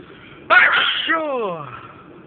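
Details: One loud, unstifled sneeze: an explosive burst trailing off into a falling voiced sound; sneezing.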